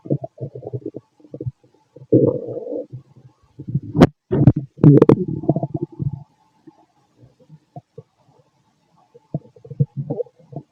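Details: Fit adult male's abdomen recorded with a stethoscope after lunch and a carton of milk; frequent irregular gurgles and rumbling growls with some louder sharp pops; active bowel sounds, stomach growling.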